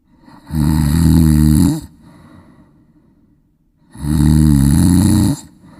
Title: Funny Snoring#Sound Sleep#Trending#Shorts#Youtube